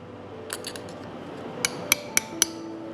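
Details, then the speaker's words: Four sharp metallic mallet taps about a quarter second apart, driving a 7 mm, 6-degree lordotic interbody cage via its inserter during anterior cervical plating, over faint room hum. "the cage is then prepared attached to the inserter and tapped in"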